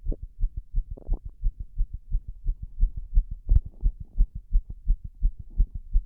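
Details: Heart sounds from six minutes of wall-standing pressure: a steady run of low, soft heart thuds with slightly uneven spacing between beats. Arrhythmia (irregular heartbeat).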